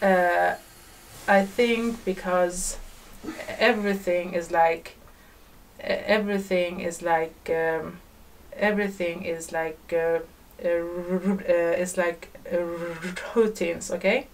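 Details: Woman who stutters, in a podcast conversation about stuttering, stuttering more than usual, with repetitions of words and part-words; stuttering.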